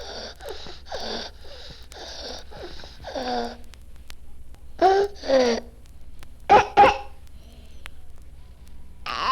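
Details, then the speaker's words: Child with laryngotracheobronchitis (croup): hoarse, strained cries with harsh, noisy indrawn breaths between them, i.e. stridor. "This is the sound of a child with lingo. Tracho bronchitis in stridor or group."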